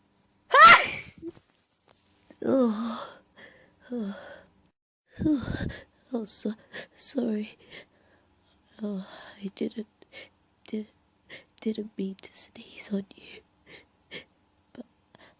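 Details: Person hiding in a staged scenario during an allergy attack, with sneezes largely natural and little induced: one loud sneeze, then many short, stifled, held-back sneezes with quick catching breaths; allergic sneezing fit.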